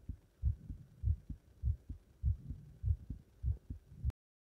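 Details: Normal heart sounds after leapfrog exercise: fast, regular lub-dub heartbeat at about 100 beats a minute with clear first and second sounds.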